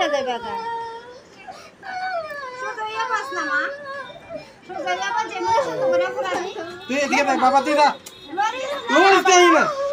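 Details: High-pitched crying from an infant girl during ear piercing, growing louder and more urgent: a typical cry of pain.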